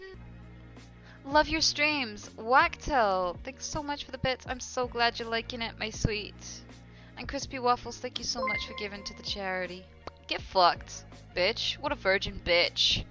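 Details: Adult female with Tourette syndrome, involuntary swearing vocal tics: vocal tics with coprolalia (Tourette syndrome)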